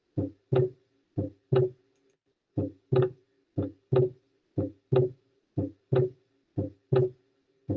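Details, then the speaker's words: Recorded heart sounds from a different audio clip in an auscultation teaching session: regular heartbeat of about 60 a minute, with each second sound heard as two close parts, a split second heart sound (R2). "Igual era desdoblamiento, pero notaron que era distinto el sonido del corazón, distinto el audio, pero igual era de R2."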